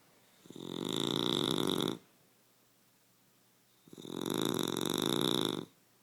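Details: Two snores with a rasping, whistling edge, each about one and a half seconds long, separated by quiet gaps; snoring.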